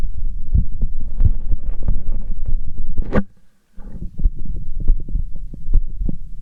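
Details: Heart sounds after exercise: quick, strong low heartbeat thumps with a brief scrape and dropout midway.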